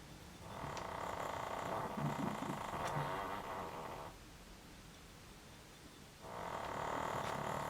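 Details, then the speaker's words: An animal snoring very loudly on a couch: loud, rough, fluttering breath sounds in long drawn-out cycles separated by quieter pauses. "I don't know if you can hear Marty snoring or not, but he is on the couch. And very loud today, I don't know."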